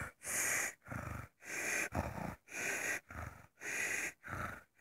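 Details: Loud, rough, noisy breaths in a steady rhythm, about 50 a minute, with harsh inhales and exhales, from a son who falls asleep at his computer; sounds like heavy snoring.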